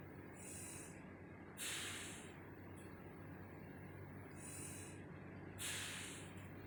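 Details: A mechanical ventilator gives life support, with rhythmic hissing air pulses over a steady machine hum and a breath delivered about every four seconds.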